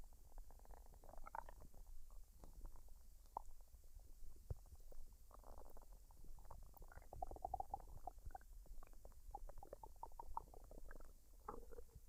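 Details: Female recording her own stomach while digesting a dinner of fried rice and duck, unedited with no added sounds: frequent gurgles, squelches and low rumbles, normal bowel sounds.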